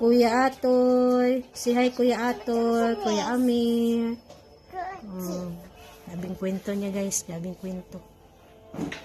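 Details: Young girl with speech delay who is very talkative, speech hard to understand. Finding: speech delay.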